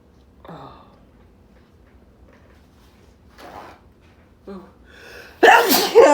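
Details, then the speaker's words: A few quiet build-up breaths and gasps, then one loud, explosive sneeze from a man deliberately stimulating his nostrils to induce sneezing. "oh doing it both is so much worse oh god oh here i'm gonna sneeze thank"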